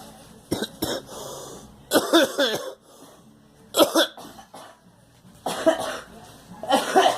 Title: Girl coughing and me